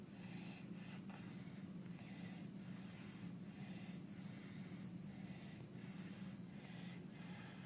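Rapid, harsh, noisy breathing with a coarse high-pitched tone on each breath in; inspiratory stridor from croup.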